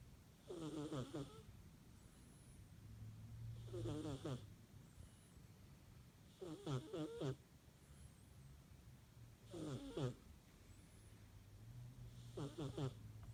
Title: My cat snores